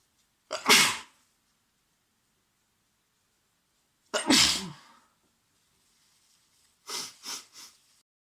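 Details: Adult man with a cold, at home: two forceful, wet sneezes a few seconds apart, then three quick sniffles; sneezing.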